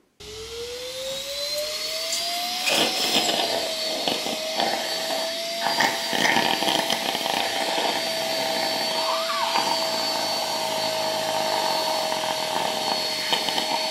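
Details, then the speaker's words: Electric baby nasal aspirator (Nosiboo) clearing a small boy's nose during a cold: steady motor whine with wet, sputtering slurps as mucus is sucked out, like a dentist's saliva suction. "man kann es gleich vom geräusch her wenn dieser schlamm abgesaugt wird kennt das wenn er beim zahnarzt und richtig einschlafen und der dann den den sabber absaugt ist vergleichbar"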